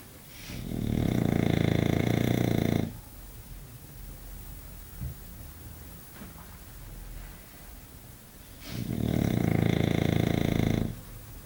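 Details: English bulldog sleeping: two loud, rough, rumbling snores about eight seconds apart, each roughly two seconds, with quiet breathing between; heavy snoring.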